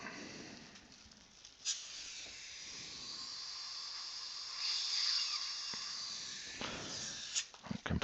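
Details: One week post-op appointment, repair of an upper all-on-4 fixed implant-supported prosthesis while condensing composite: continuous airy hissing and slurping of a dental suction tip drawing air and fluid, with brief instrument clicks and knocks.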